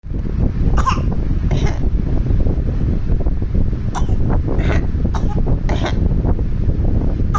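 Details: Child practising voluntary coughs: about six short, deliberate coughs, partly masked by heavy wind rumble.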